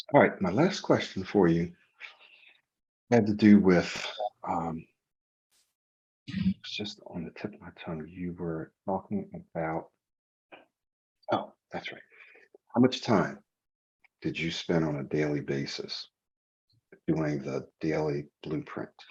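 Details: Adult male speaker; Normal fluent speech.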